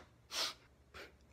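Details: Acted, simulated adult sneeze: a sharp, hissing burst of air followed by a second, softer burst.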